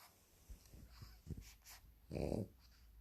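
Short snuffling snorts followed by one louder rattling snore in a quiet room. Snoring in a flat-faced dog.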